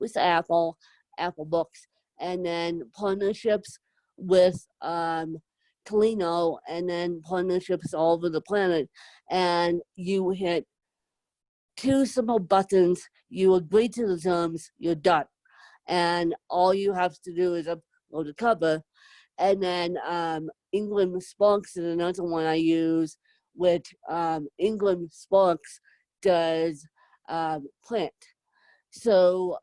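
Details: Adult woman with moderate to severe cerebral palsy, needing help 24/7; dysarthria (cerebral palsy).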